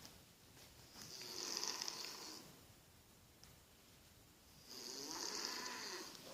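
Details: Woman snoring: two soft, hissing, fluttering inhaled snores about four seconds apart, roughly 16 breaths a minute.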